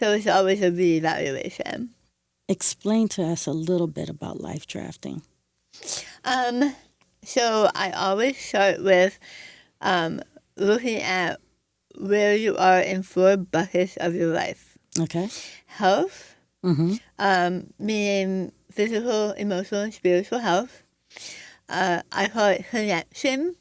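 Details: Adult woman with stage 4 right-sided tongue squamous cell carcinoma diagnosed December 2021, treated with removal of over half her tongue, arm skin flap reconstruction, neck dissection, tracheotomy, radiation, chemotherapy and speech therapy; altered articulation after partial glossectomy.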